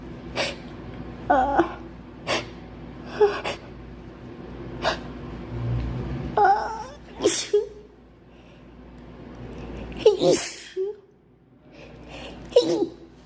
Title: Girl sneezing 5